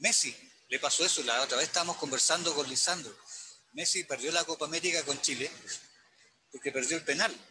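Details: Adult male speaker; Normal fluent speech.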